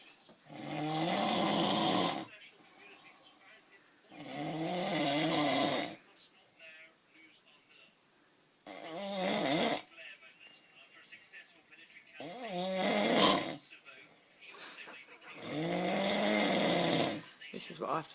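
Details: Person snoring loudly in sleep, "like a bear," keeping their bed partner awake: loud, rough snores on each in-breath, about five in 18 seconds, with quieter breathing between.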